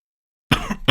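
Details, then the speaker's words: Adult narrator coughing while recording an audiobook: one short, harsh cough, with the start of a second cough cut off. "You already hear that I'm coughing, you know?"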